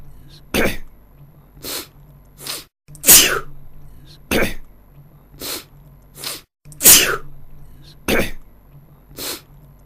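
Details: A sneeze from an adult man.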